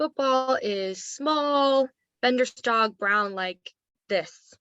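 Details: Role-played adult male patient with a diagnosis of Wernicke's aphasia, during Expanding Expression Tool therapy; Wernicke's aphasia (acted).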